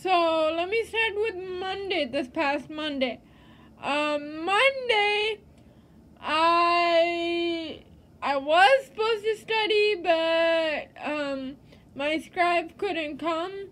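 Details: Adult woman living with cerebral palsy; dysarthric speech (cerebral palsy).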